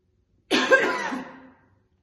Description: She keeps the cigarettes in her mouth for a long time almost without using her hands and coughs heavily throughout the video. Lots of strong coughing and occasional spitting.